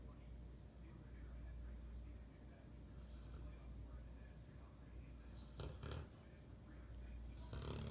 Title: Big boy bath n snore